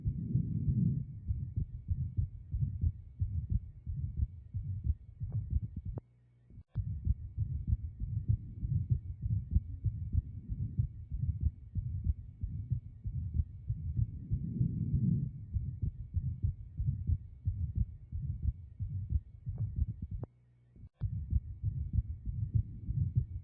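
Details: Stethoscope recording from a patient with an atrial septal defect; rapid low heart sounds with a soft continuous whoosh: atrial septal defect heart sounds.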